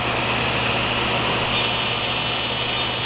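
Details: Fractional laser resurfacing on a patient with under-eye wrinkles and perioral lines: steady loud hum and hiss of the running machine, with a high whine joining midway as the laser scans 0.3 mm dots into the skin.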